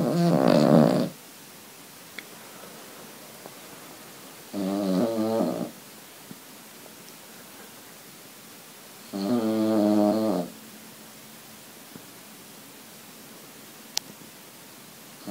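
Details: Cavalier King Charles spaniel deeply asleep, snoring far too much and loudly: loud, rumbling snores, three bursts with quiet pauses between breaths.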